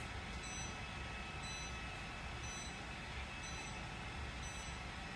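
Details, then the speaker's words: Chattanooga high-power Class IV laser treating a patient's shoulder for chronic supraspinatus tendonitis; the patient reports low-to-medium warmth. Steady machine hum with faint high beeps about once a second, the device's double beep signalling a move to the next treatment phase. "So you heard the double beep, so now we've moved into the next phase. It's counting down."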